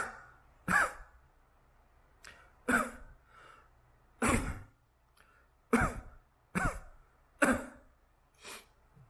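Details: Several short deliberate coughs and smaller throat-clearing coughs from an adult in a quiet room; a pet cat responds to human cough sounds, even small coughs, by wagging its tail; voluntary cough.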